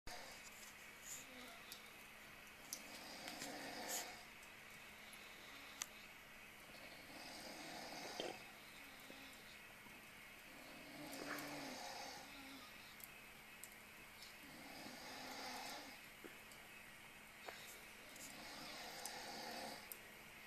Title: Alancon 2009 - Snoring in the dark